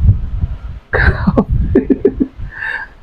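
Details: About five sharp joint-cracking pops over muffled thumps during a chiropractic spinal adjustment of a man, a desk worker who sits long hours, with whole-back pain in the upper and lower back radiating to the hands and feet.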